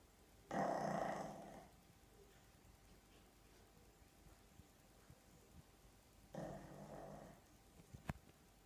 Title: Pug dog snoring loudly ! Lmfao you've been framed